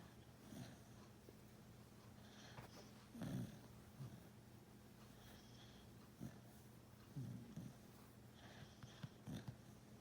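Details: Small dog sleeping: intermittent low snorting, rattling breaths over a steady room hum; snoring.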